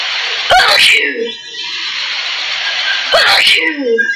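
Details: Two forceful sneezes about two and a half seconds apart, each with a sharp explosive release, against steady background hiss.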